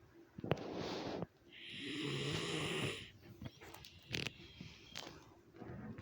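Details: Snoring in a quiet room: a rough, fluttering snore, then a long whistling breath and a few snorts.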